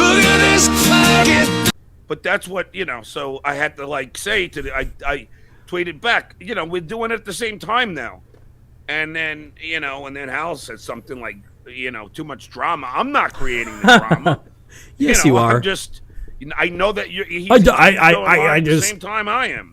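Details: Stuttering in an adult man; sound repetitions are present.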